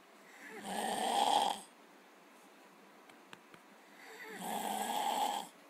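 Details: Brother found asleep, said never to snore: two long, loud, rough snoring breaths about three to four seconds apart with quiet between; ordinary snoring.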